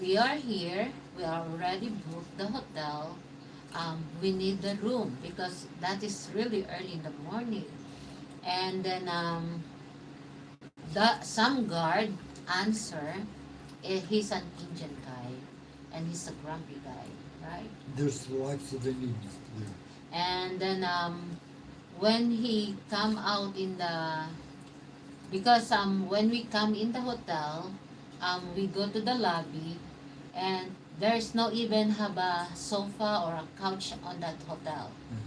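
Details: Mild aphasia after stroke in a man 115 days into self-therapy; restarts his sentence with hesitations.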